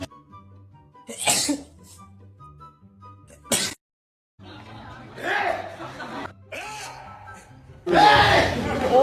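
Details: Two sharp, explosive sneezes from a BTS member, an adult, over soft background music, followed by talk.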